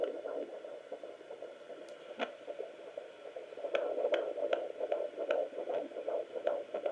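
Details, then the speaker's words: Fetal heartbeat on home Doppler at about 3.5 weeks (as stated), rapid rhythmic whooshing pulses at about 160–170 beats a minute, up from the 140s the previous week; mother previously had twins. "Very cool. 160s, 170s. Wow. Last week I did it was in the 140s. Now it's like high again."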